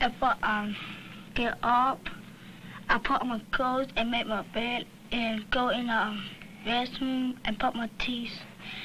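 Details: Child with hearing loss attending a summer speech clinic, learning lip reading and working on final sounds and the D and G sounds; speech of a child with hearing loss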